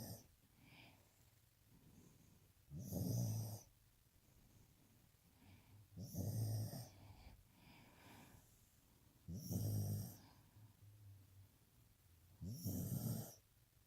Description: Scooby snoring upside down after a long day of being a puppy